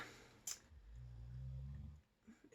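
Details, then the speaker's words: Pet named Watson snoring while asleep: a brief sharp click, then one drawn-out low rumbling snore in a quiet indoor room. "you can hear Watson snoring sorry there try come back"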